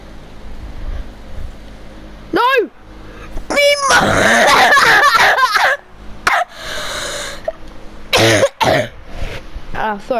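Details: Several harsh, loud cough bursts with throat clearing, separated by short gaps, from a gamer who says he has a bad cough, recorded over voice chat during a PS4 game; repeated coughing.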